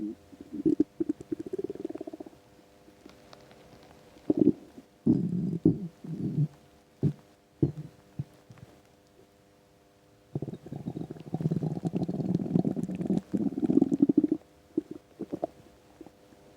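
Gurgling, bubbling rumbles in bursts with quiet gaps, typical of an empty stomach; normal bowel sounds.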